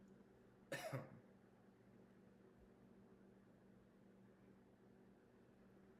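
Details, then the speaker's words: Adult asked to give a regular voluntary cough during a cranial nerve assessment and bedside swallow evaluation by a speech-language pathology student; voluntary cough. "All right. So now I'm going to Have you cough for me just like a regular cough?"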